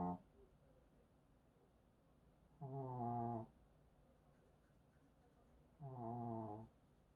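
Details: Maltese dog weighing 3.2 kg, asleep with a bloated belly after eating sausages, gives loud, rhythmic, buzzing snores about every three seconds, roughly 19 a minute, with quiet between: snoring.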